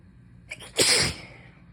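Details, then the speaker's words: An adult who is still sick, feverish, croaky and congested, and also coughing, gives a short breath in, then one loud, wet, forceful sneeze during a long sneezing fit in which sneezes keep getting stuck. "Oh, they keep getting so stuck. And it's pissing me off. Because I need to sneeze really bad. It's like as soon as one stops, another one starts."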